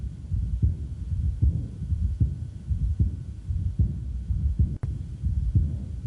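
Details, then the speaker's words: Aortic regurgitation murmur: high-frequency early diastolic decrescendo murmur beginning with the second heart sound, usually loudest at the lower right or left sternal border; heartbeat about 76/min with soft blowing sounds between beats. "so it's a high frequency murmur that begins with a second heart sound and case so it's early diastolic de crescendo and its loudest usually on lower right or left sternal border"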